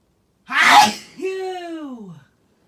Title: Very loud sneezing